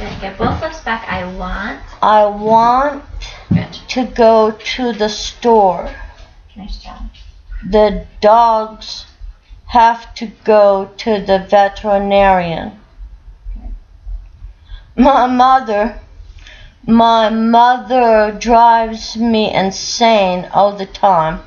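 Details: Female stroke survivor in a speech therapy session, recorded Sept 24th 2013, making repeated effortful attempts at a practice phrase; post-stroke speech disorder (aphasia / apraxia of speech).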